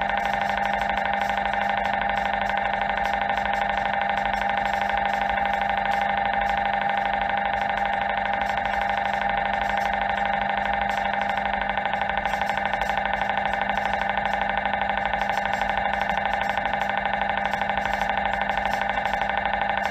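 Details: MRI scanner noise: loud, steady electronic droning with rapid regular pulsing, about 125 per minute.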